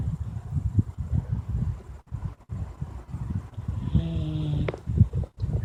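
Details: Bulldog, described as fat: very loud snoring.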